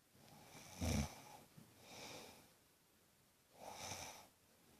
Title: Mum snoring loudly!